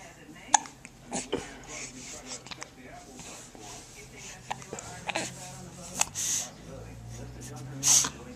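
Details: Recorded with a Flip Video camcorder: several short, sharp catches of breath spaced irregularly over a few seconds against faint room noise; hiccups.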